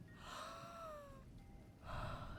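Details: Wheezing from an adult woman with a weak, catching throat during deep breathing after inhaling a vapor rub: whistling musical tones on the breath.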